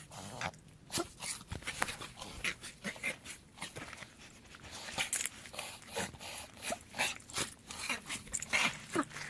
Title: Whyn reverse sneeze